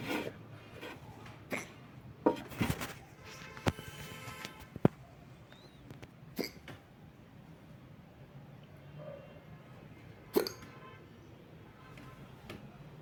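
Brief sharp catches repeat at irregular intervals over quiet room noise, in keeping with hiccups.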